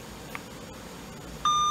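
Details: Dräger Apollo anesthesia machine set up for use as an ICU ventilator on a test lung: quiet room hum, then a single steady high-pitched electronic beep as ventilator settings are confirmed.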